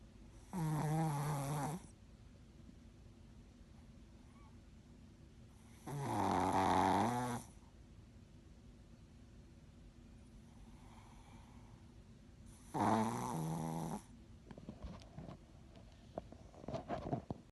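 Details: Yorkie dog asleep: three long, buzzing snores on inhalation, about 10 breaths a minute, with quiet pauses between: snoring.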